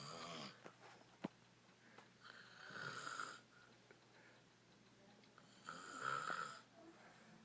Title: Extreme snoring